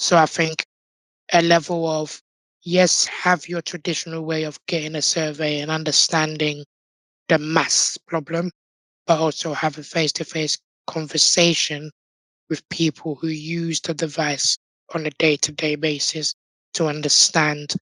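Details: Tracheostomy voice in an adult man born six months premature with undeveloped airways. He had emergency surgery at birth, spent two years in an incubator and has lived with a tracheostomy tube; prematurity heavily impacted his vocal cords.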